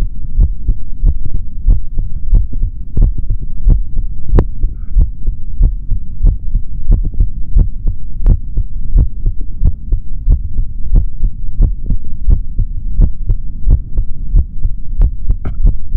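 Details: Adult male heart heard through a stethoscope, recorded for ASMR without talking: steady lub-dub heartbeat at about 90 beats a minute over a low steady hum; normal heart sounds.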